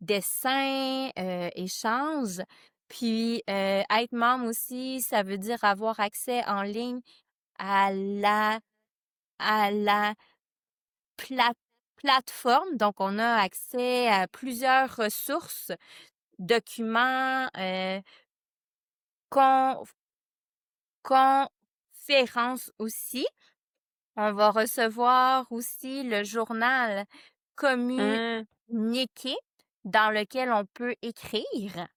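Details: Stuttering in a French-speaking adult board member of a stuttering association, speaking spontaneously; part-word and word repetitions heard.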